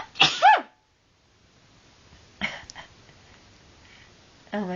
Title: me sneezing haha!